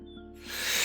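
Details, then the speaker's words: Seated adult, 164 cm, doing a spirometry (pulmonary function) test, lips sealed on the mouthpiece. After tidal breaths, a quick, forceful full inhalation gives a brief rising rush of air. "लामो Linus फाल्नुस एक थाप्नु भयो भने स्वाट्ट भित्र तान्नु होला।"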